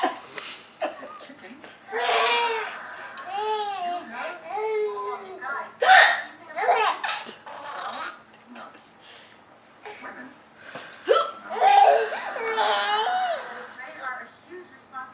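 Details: Grandmother making hiccup sounds, possibly fake, for a babbling, laughing young child: a few sudden short hiccup sounds; hiccups.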